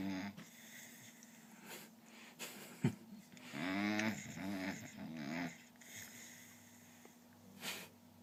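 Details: Soft snuffling breaths and a brief rattling, tonal snore from a sleeping bulldog, said to snore like a human and possibly dreaming, amid quiet room noise: dog snoring.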